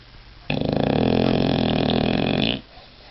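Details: British bulldog sleeping flat out, snoring loudly.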